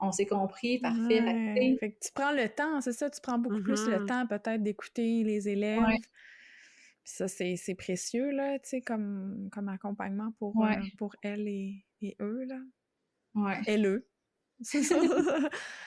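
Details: Adult woman; typical speech.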